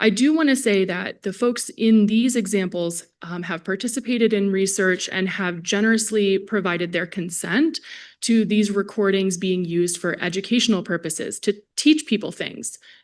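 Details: Adult woman speaking; Normal speech.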